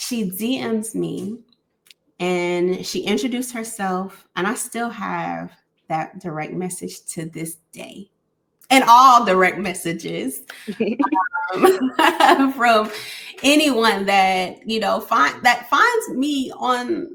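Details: Adult woman speaking; conversational speech.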